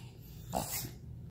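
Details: Shih Tzu dog: a single loud, snorting pull of air through the nose, typical of reverse sneezing, which is common and not harmful.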